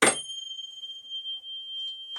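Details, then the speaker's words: A struck tuning fork rings with a clear, steady pure tone that slowly fades during a Rinne test in a neurologic exam; the patient hears it longer by the ear than on the mastoid, normal air conduction greater than bone conduction. "So this is the normal assessment. The air conduction is greater than the bone conduction. That is why you are able to hear it more in the frontal part of your ear than the mystoid bone at the back of your ear."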